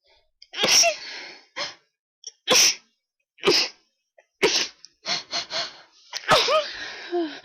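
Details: A pollen-triggered allergic sneezing attack during high pollen, with an attempt to announce the sneezes beforehand: a rapid run of loud, explosive sneezes, several in a row with quick breaths between them.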